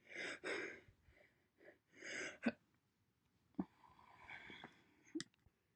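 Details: Single hiccups recorded January to April 2021: several short, sudden catches of breath and voice between breathy noises; hiccups.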